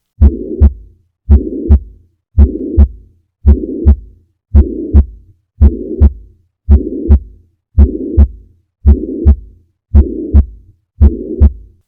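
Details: Acute mitral regurgitation: regular heartbeat around 56 a minute, with a harsh blowing holosystolic murmur filling the whole gap between the first and second sounds.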